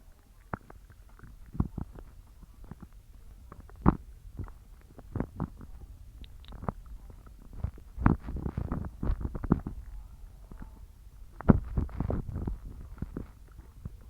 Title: Evening stomach growling sounds